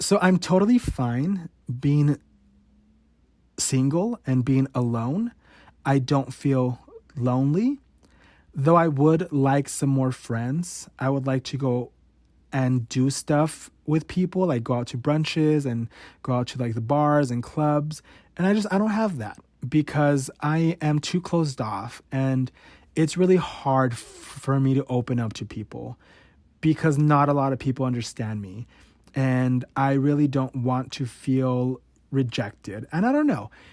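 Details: Adult 28-year-old male with stuttering since about age 5–6, therapy in elementary school, worsening as a teenager; real, unedited stutter, sometimes unable to get out a sentence, word or syllable: stuttering.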